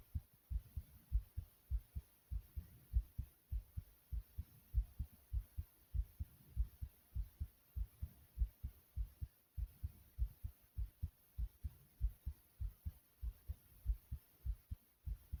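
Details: Heartbeat recorded after exercise: strong, quick, regular low thumping beats.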